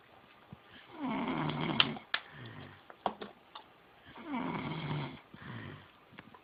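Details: Snoring: two rattling snores on the in-breath, each followed by soft snorts and clicks.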